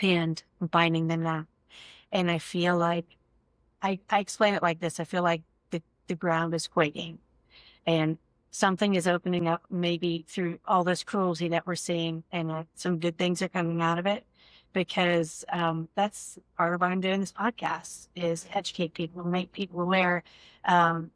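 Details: Adult woman speaking; ordinary speech.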